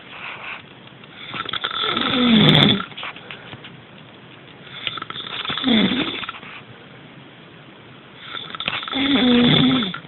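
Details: Three loud, rough inspiratory snores about every three to four seconds, roughly 17 a minute, with quiet exhalations between; snoring.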